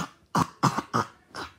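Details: Four short, sharp cough bursts in quick succession, each with a rough tail, over a quiet background; repeated cough.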